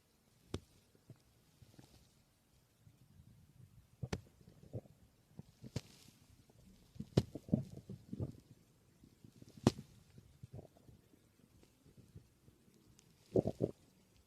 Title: My stomach growling 🥰